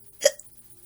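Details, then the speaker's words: A 14-year-old with painful hiccups, which they attribute to eating too much macaroni; the hiccups seem to stop and then return. "Well, kinda. A little bit because I ate too much macaroni and it gave me the hiccups."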